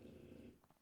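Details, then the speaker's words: Snoring in the background of a spoken podcast recording, getting really loud. "I'm sorry if you can hear snoring in the background he's getting really loud all of a"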